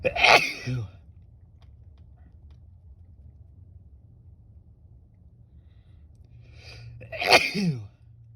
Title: Induced sneezes in the car #sneezes #noseblowing